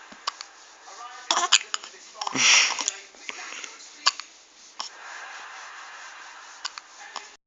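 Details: A little boy hiccups, with several sharp sudden clicks at irregular intervals amid room noise and voices; hiccups.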